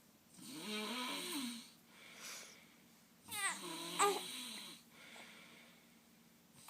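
Quiet room with slow, rhythmic breaths, some with a low buzzing, fluttering rattle: snoring, about three breaths shown.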